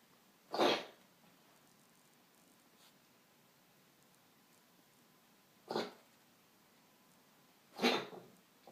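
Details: Dog coughing: three short, harsh, airy bursts separated by quiet pauses.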